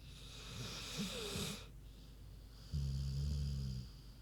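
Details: Big pig named Queenie asleep: low, droning snore with a snorting rumble over steady background hiss; ordinary snoring.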